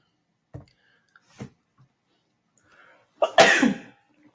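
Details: An adult who had been coughing a lot during a live trading session makes a couple of soft throat noises, then a single harsh cough, in a quiet room.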